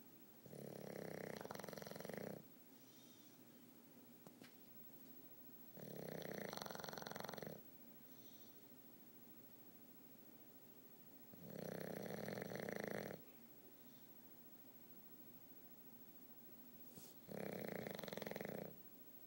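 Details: Victorian bulldog napping, worn out after a bath: four long, rough, buzzing snores about every five seconds with quiet room noise between: snoring.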